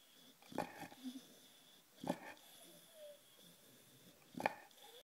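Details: A sleeping bulldog snores, heard as three short, rough snorting breaths about a second and a half apart over a faint steady hum.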